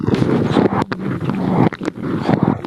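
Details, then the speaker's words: Cervical auscultation with a microphone at the neck of an infant, assessing suck-swallow-breathe coordination during feeding: muffled rushing breath noise with brief clicks and gulps of sucking and swallowing. "So cervical auscultation is to assess the sucking, swallowing reflex in coordination with breathing, which is an important clinical pathway that I would like to share with you."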